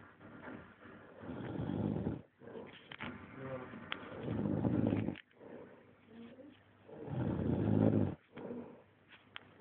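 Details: Dog Karl lying flat out on the floor, asleep: low, rumbling snorts in repeated breaths, each a couple of seconds long; harmless snoring.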